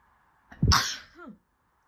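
A single explosive sneeze with a brief intake before it and a short voiced trailing sound after, in a quiet room.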